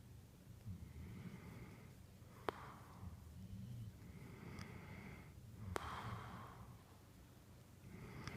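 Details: Sleeping man snoring persistently: slow, heavy breathing with rough, low snorting sounds and a couple of sharp clicks in a quiet room.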